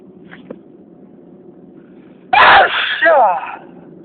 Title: Can't stop sneezing...